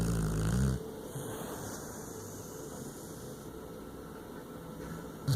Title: Cash the snoring bulldog